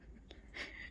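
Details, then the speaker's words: A brief, noisy, gasping in-breath with a faint whistling edge from an adult with lung problems who coughs a lot and struggles to breathe while walking and talking: laboured breathing. "I cough a lot I struggle to breathe um I can't walk and talk and of course well you heard me I do walk and talk um but I sound like I'm gasping for breath half the time"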